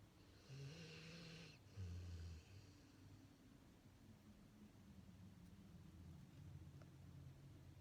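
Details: Pitbull dog deeply asleep and snoring while items are stacked on his head: low, rough rattling breaths, a louder snort-like snore early, then quieter noisy breathing.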